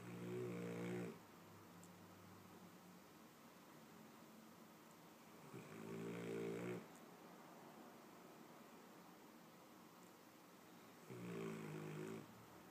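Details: Snoring: three regular buzzing snores about every five to six seconds, roughly 11 breaths a minute, in a quiet room.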